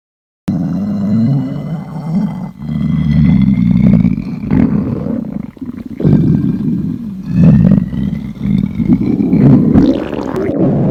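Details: Hungry girl on a diet, stomach growling: loud, drawn-out low rumbles with whining, rising squeaks in long waves, a very loud hunger borborygmi.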